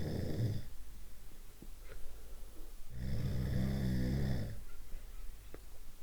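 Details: Two loud, low rattling snores on breathing in, separated by quiet breathing; one of several snoring types, typical snoring.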